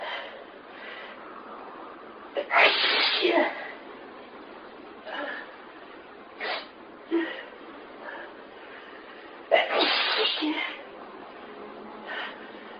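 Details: Sneezing fit: repeated sneezes over about 13 seconds with gasping in-breaths between them, two of the sneezes loud and forceful.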